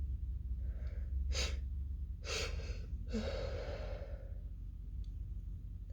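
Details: Female with a stifled sneezing fit: several muffled, held-back sneeze bursts over low room hum, the last one louder and more open, an explosive ending.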